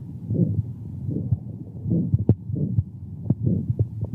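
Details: Elderly man with signs of aortic stenosis: regular harsh, high-pitched, loud ejection systolic murmur, loudest at the aortic area, radiating to the carotids, with a quiet second heart sound. Heard sitting forward during breath-holding manoeuvres.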